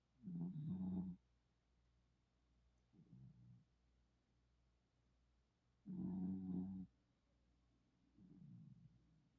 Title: she snores too!! #puppy #petshub #cutepet #cute #petsrule #cuteanimal #funny #petsempire #cutepuppy